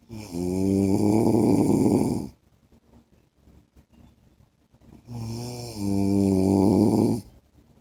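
Two loud, rough, buzzing snores about two seconds long, with quiet breathing between them. Ordinary adult snoring.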